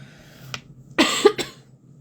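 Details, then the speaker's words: Cough from an adult woman speaking live with a slightly hoarse voice who says she seems to be a little ill. "вибачаюсь за мій голос Можливо він хрипли трішки можливо буду покашлювати тому що здається трішки прихворіла"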